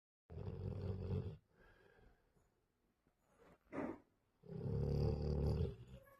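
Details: Sleeping Labrador dog snoring: deep, rumbling, growl-like breaths with a short snort between them.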